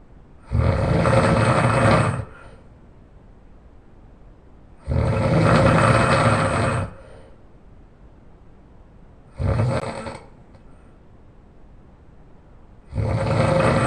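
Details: Loud, rough, rattling snores on each in-breath, about 4 in 14 seconds, with quiet exhalations between; heavy snoring.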